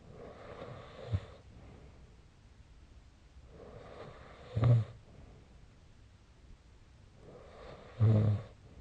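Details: Three slow breaths at about 17 a minute, each ending in a rough, low snorting rattle in a quiet room: snoring during sleep.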